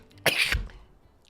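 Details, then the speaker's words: Male streamer with allergies sneezing mid-speech while streaming: a single sharp explosive sneeze with a quick intake before it, then quiet. "sorry sometimes I sneeze when I talk too much [ __ ] you know sometimes I'm it's hard l literally choking on my own words"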